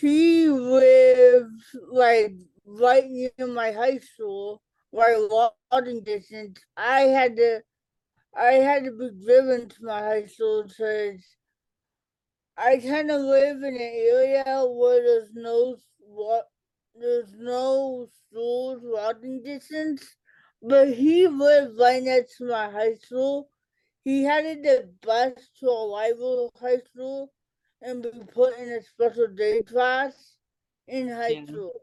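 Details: Adult woman with cerebral palsy, early speech delay, self-described as talking differently and possibly hard to understand; dysarthria (cerebral palsy).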